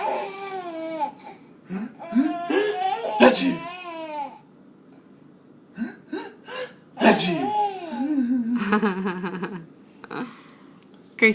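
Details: Sneezing attributed to allergies, two sudden sharp sneeze bursts amid family chatter and a child's laughter; ordinary sneezes.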